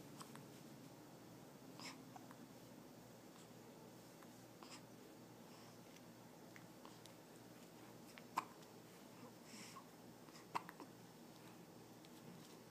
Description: Trying to sleep and her hiccups keep waking her up!